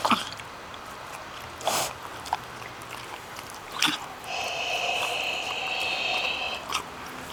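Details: Pet pig: several short, wet nasal snorts and a big juicy sneeze-like burst, with a steady high hum in the room: snorting and sneezing.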